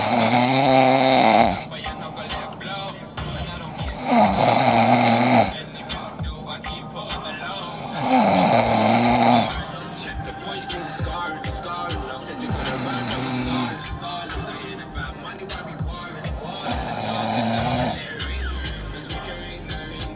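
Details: Man snoring heavily: loud, harsh, rattling snores about fifteen a minute, with music and talk in the background; snoring.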